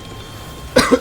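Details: Single short adult cough after a quiet stretch of faint room noise, while talking during a game stream.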